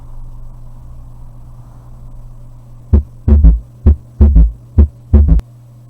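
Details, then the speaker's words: Third heart sound (S3) auscultated at the mitral focus in diastole: low-pitched heart sounds at about 65 beats a minute, with an extra soft sound after the second, an S3 gallop. "El tercer ruido cardíaco se va a poder escuchar de mejor forma en lo que es la diástole por la difusión ventricular. El sitio de auscultación va a seguir siendo el foco mitral, ya que se escucha de mejor manera en este sitio."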